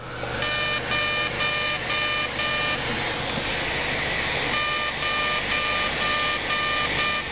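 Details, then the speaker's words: CO2 laser resurfacing around the eyelids during simultaneous facelift, passes at 80 mJ density 6 then 70 and 5: rapid grouped high-pitched tone bursts over loud hissing suction. "now we're going to change our settings and come back one aggressive pass at uh 80 M and a density of six now we're going to do a second pass at 70 and five"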